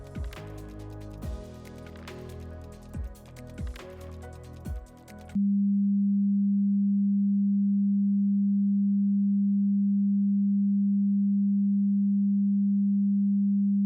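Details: Brief music gives way to a steady, unchanging pure tone, a simulated example of ringing-type tinnitus.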